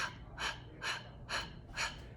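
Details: Four short, breathy, unvoiced, noisy exhaled puffs with the ribs pressed and the belly drawing in: forced huffs used instead of coughing or throat clearing for a sore throat and ribs during spring allergies or a cold.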